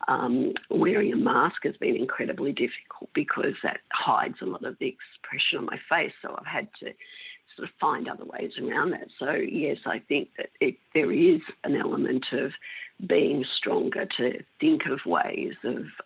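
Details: Woman with mixed adductor and abductor spasmodic dysphonia for 16 years, treated with Botox injections into the larynx that stop some spasms; spasmodic dysphonia (mixed adductor and abductor).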